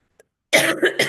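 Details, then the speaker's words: Adult coughing while talking: a faint click, then a loud, harsh cough burst and a second burst after a brief catch; cough. "So, I'm just going to go ahead and cough. You know, it just is what it is, you guys."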